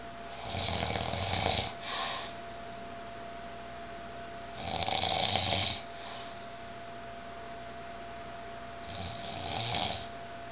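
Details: A grandfather and another person sleeping and snoring on a farm vacation: loud, rough breathing sounds in three long cycles over about ten seconds, with a steady background hum.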